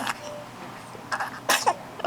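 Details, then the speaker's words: A child takes a quick inward breath, then gives a sharp, explosive sneeze with a brief voiced tail, one of a run of four or five sneezes. "oh oh gazon tight oh no yeah oh god oh gazoon tight oh gazoon tight oh no four five too many sneezes"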